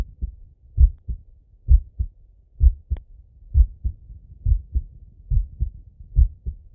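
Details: Male chest auscultation with stethoscope: steady paired lub-dub heart sounds at about 66 beats a minute with soft breath noise behind; normal heart sounds.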